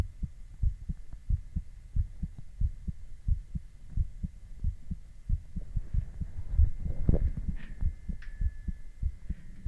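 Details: Adult male heartbeat recorded with ECG: steady low heart thumps with a faint monitor hum and a couple of beeps.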